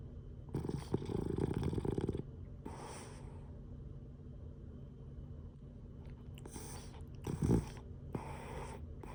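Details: Sleeping Boston Terrier snoring and blowing snoring bubbles: rough, fluttering in-breaths and soft puffing out-breaths, with bubbly noises between.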